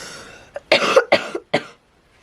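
Three short, harsh coughs in quick succession with no wet rattle, a dry cough in an adult with COVID-19.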